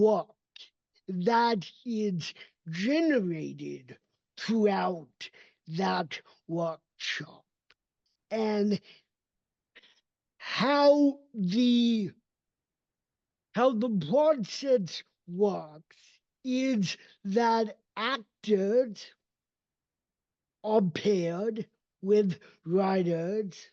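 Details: Adult male with cerebral palsy, a neurodevelopmental disability; voice emerged only at age seven after extensive speech therapy and still needs constant training; dysarthria (cerebral palsy).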